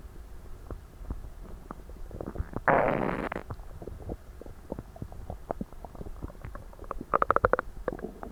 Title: Too stuffed to move 😵‍💫 Christmas Dinner digestion (loud gurgles, stomach noises)